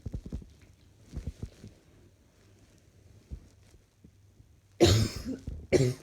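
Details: Adult coughing while trying to work and feeling rather hot: two loud, harsh coughs after quiet soft sounds in a small room.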